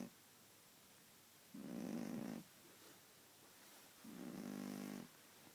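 Soft, low rumbling snores in a quiet room, two breaths in under six seconds: an ordinary dog snore.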